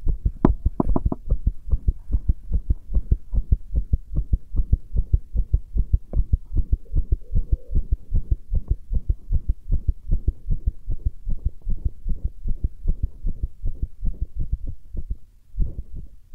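Fast, regular deep thumping heartbeat, about 150 beats a minute, with a low hum underneath.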